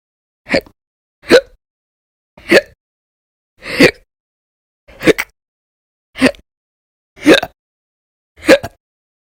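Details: Repeated hiccups, sometimes violent and loud, sometimes silent, recorded over February 2020 (audio only): eight sharp, abrupt hiccups in nine seconds, each a brief gulping catch of breath with silence between.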